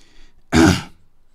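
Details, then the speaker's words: Single loud, rough throat clear from an adult man after a brief pause; his voice is not fully recovered after having the flu. "as you can hear my voice is still not fully fully recovered from uh from from being the flu beating the flu"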